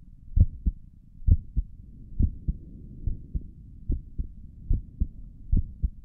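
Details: ASMR recording of the creator's own heartbeat through a stethoscope on the chest; steady, soft, regular paired lub-dub at roughly 66 beats a minute; stomach gurgles occur during the recording; normal heart sounds.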